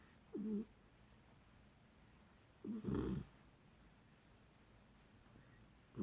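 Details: Beagle puppy asleep and dreaming, giving short, soft, irregular snorting snores with long pauses in a quiet room; snoring.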